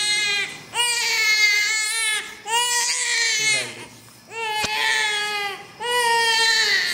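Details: Baby 3 days (or six days) after muscle-based cleft lip repair surgery, stitches still in place: loud, high-pitched, rhythmic crying in repeated long wails with brief pauses for breath; an ordinary vigorous cry.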